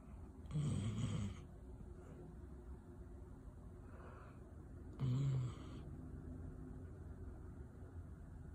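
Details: A sleeping dog snoring.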